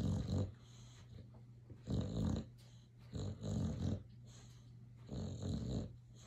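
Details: Boxer dog snoring while sleeping and dreaming: deep rattling snores about every two seconds with soft snorts between.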